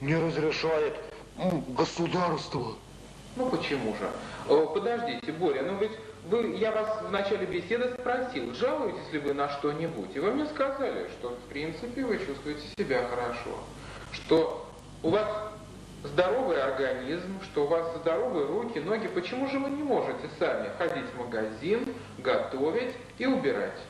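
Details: Adult male interviewer; normal speech.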